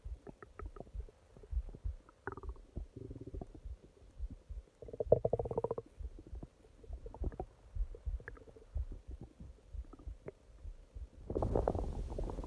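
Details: Long night-time stomach growling (part 1): soft gurgling rumbles and a few drawn-out squeaky growls from the belly, with a faint steady hum behind; ordinary borborygmi.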